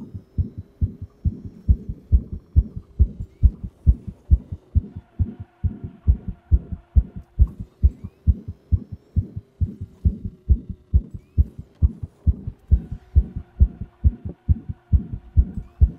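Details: Strong, regular, fast heartbeat about 136 beats a minute, pounding by the end of an intense racing video game, with a faint steady hum; owner describes a little murmur; rapid pounding heartbeat.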